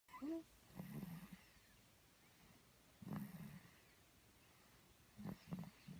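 Quiet, low rattling breath sounds recurring about every two seconds against a hushed room; soft snoring.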